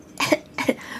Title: Girl coughing 91